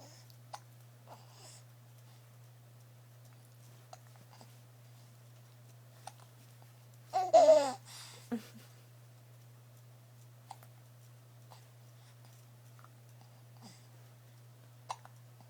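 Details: Young child gives short, sudden hiccups at intervals with one brief vocal sound over a steady low hum.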